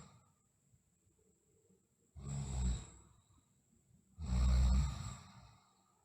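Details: Sleeping girl snoring: two soft, low, rough breaths about two seconds apart, with quiet between them.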